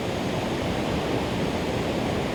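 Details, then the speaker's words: Tinnitus simulation resembling television static, played to illustrate what tinnitus sufferers hear: a steady, unbroken static-like hiss. "então o primeiro ruído que nós vamos ouvir você é esse na verdade é um chiado de televisão"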